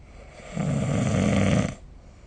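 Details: Snoring recorded with the SnoreLab smartphone app: a single low, rough, rattling inhaled noise lasting about a second, rising out of quiet room hiss and fading again; snoring.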